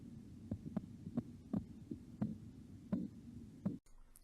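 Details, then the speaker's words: Korotkoff sounds heard with a stethoscope over the elbow as the blood pressure cuff deflates: regular soft thumps at about 82 a minute that become audible once cuff pressure falls enough for the heartbeat to pass. "the pressure in the cuff blocks the heartbeat from reaching the elbow but as the pressure in the cuff decreases the heartbeat will be able to pass the barrier and then the heartbeat will be audible"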